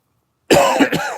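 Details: Persistent cough from a speaker who reports feeling lethargic, unwell and low on energy.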